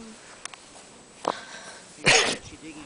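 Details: Pomeranian dog sniffing at a gopher hole outdoors, small sniffs followed by a single sharp, explosive sneeze.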